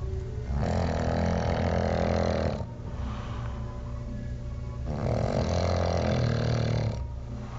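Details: Snoring: two long, loud, rattling snores on the breath in, each about two seconds, with quieter breathing between them.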